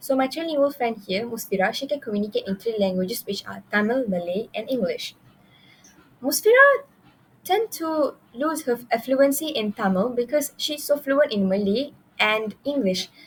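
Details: Adult woman speaking; normal speech.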